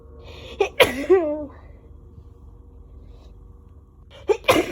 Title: Strong sneezes